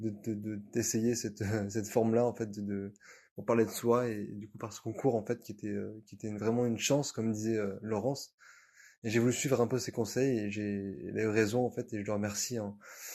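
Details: 29-year-old man who has cluttered since adolescence, worsened after a head trauma; very rapid speech; cluttering.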